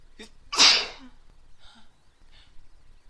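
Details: Woman sneezing after stifling: a brief catch of breath, one loud explosive sneeze, then two faint, muffled stifled nasal bursts.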